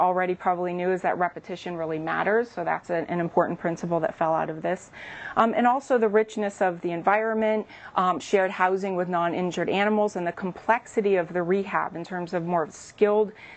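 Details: Adult woman; typical speech.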